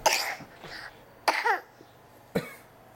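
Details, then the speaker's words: Three short, sharp coughs from a young boy, each an abrupt burst followed by quiet. "I don't want you to cough on me buddy what are you coughing on me for"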